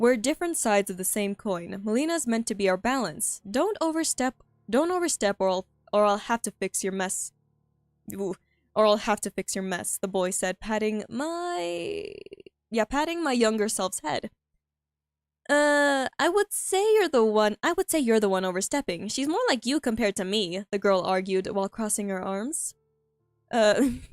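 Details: Woman who says she stutters a lot while reading aloud her own story and finds reading difficult; stuttering during oral reading.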